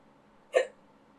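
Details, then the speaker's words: Adult who says they regularly get hiccups; one short, sharp hiccup over quiet room noise; hiccups. "it's literally like time it's like a [ __ ] clockwork i get the hiccups halfway through the third one"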